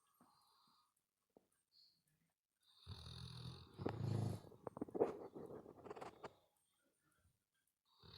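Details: Pearl snoring right in the listener's ear, a loud rough fluttering snore heard very close with snorting breaths in and out; snoring.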